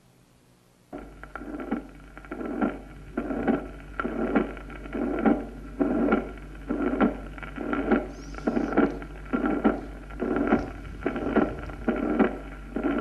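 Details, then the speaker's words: Holosystolic plateau (rectangular) murmur of constant intensity, starting almost at the onset of ventricular systole and continuing past aortic closure, from the large ventricle-atrium pressure difference: mitral regurgitation, type II. "esta forma con intensidad constante la la vemos en una insuficiencia mitral tipo segundo escuchémoslo"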